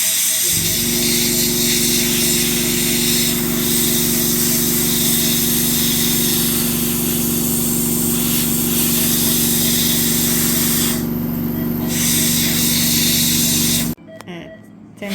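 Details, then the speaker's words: Dog (Maya) with heavy tartar and reddened gums, polishing after dental scaling: steady high motor whine with hiss for about fourteen seconds, then stops; dental polisher running. "Şimdi polisaj yapıyoruz. cilalama daha uzun süre kalsın"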